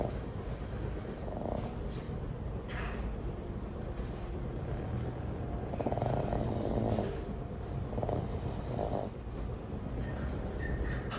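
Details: Pug napping between the owner's legs, dreaming and gently tapping a paw against an ankle: soft rhythmic snoring and snorting breaths over steady background hiss.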